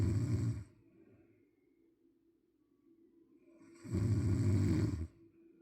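Two loud, low, rattling snores about three seconds apart, with quiet breathing between them. Snoring.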